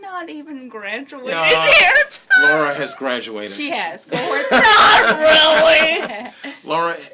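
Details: Adult woman with congenital cerebral palsy who uses a wheelchair; dysarthric speech (cerebral palsy).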